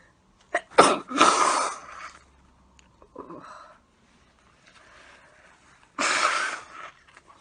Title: Sneezing and nose blowing